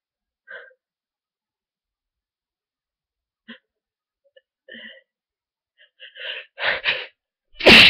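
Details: Person with a cold, sneezier and stuffier after a long nap, with constant tickle, buildup and false starts: several soft breathy bursts building to a loud final sneeze, a series of cold sneezes.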